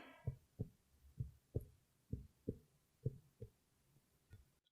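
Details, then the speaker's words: Chest percussion on a man's back during a held deep breath: about ten sharp taps going lower, below the diaphragmatic recess, showing good diaphragmatic excursion. "you hear the difference he moved down now to below that that recess so his lungs were able to come down so that tells us that he has good diaphragmatic motion"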